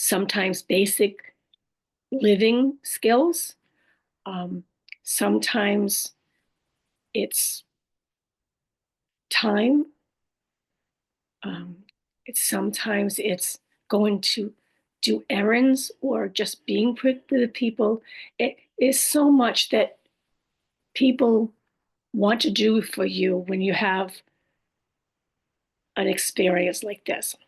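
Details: Adult woman after a stroke with aphasia, apraxia of speech and dysarthria; she says her speech can sometimes be hard to understand.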